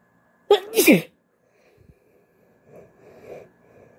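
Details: One sharp, wet, partly held-back sneeze from a female, induced with a hoodie string, then quiet breathing and faint room sounds.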